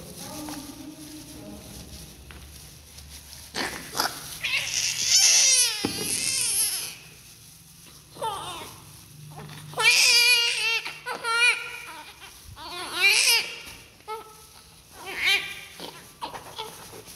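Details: Newborn just after birth during umbilical cord cutting, clamping and cleaning: cries in repeated loud bursts with pauses, over faint room noise and quiet adult talk.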